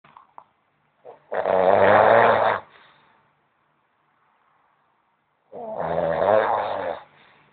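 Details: Man snoring: two loud, rattling, drawn-out snores about four seconds apart with silence between.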